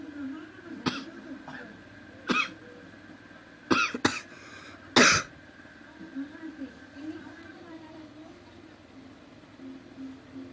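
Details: Coughing while laughing: about five short, harsh cough bursts, spaced irregularly and mixed with laughter and low room noise; cough.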